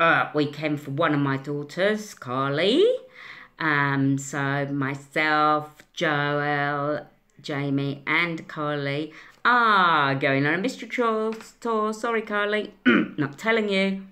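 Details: Speech interrupted by vocal tics from an adult woman with Tourette syndrome; finding: vocal tics (Tourette syndrome).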